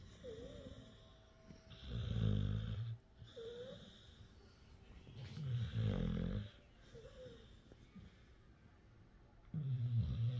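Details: A sleeping pet dog's usual snoring: three loud rumbling snores about every four seconds, with soft squeaky whistles between them.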